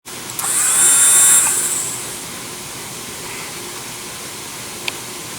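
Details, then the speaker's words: Low-cost high-speed dental drill used in place of a surgical handpiece for lab craniotomies, with dial speed control up to 30,000 RPM and an on/off foot switch: a high-pitched whine spins up, then winds down to a steady hiss. "so this is what's being used in place of a handpiece for surgical craniotomies in the lab it has a speed control here it can go up to 30 000 RPM"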